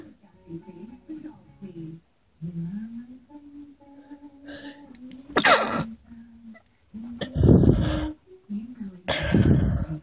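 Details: Sneezing with heavy breathing: a sneeze.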